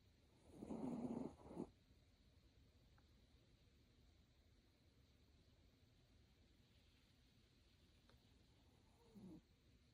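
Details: Snuggled in a plush throw: one rough, snorting snore, then quiet breathing with a faint second snuffle near the end; snoring.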